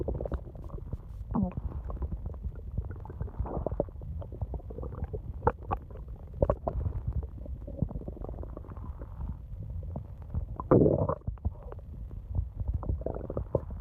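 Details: Long stomach growling at night: continuous low rumbling and gurgling with bubbling pops and brief squeaks, normal bowel sounds from stomach and gut (borborygmi).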